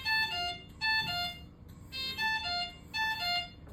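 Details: Ventilator low pressure alarm on a Galileo ventilator with a single-limb circuit, shown in a ventilator and suctioning teaching demonstration.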